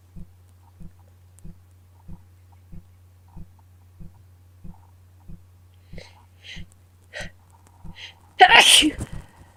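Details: Sneezing with a bad cold: steady faint clicking, then several sniffs or false starts building to one loud, forceful sneeze.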